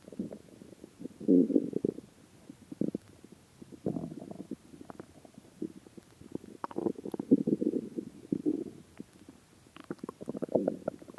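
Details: Person's stomach after about 76 hours (3 days 4 hours) without food, repeated low gurgling rumbles and bubbling growls in waves; stomach growling (borborygmi).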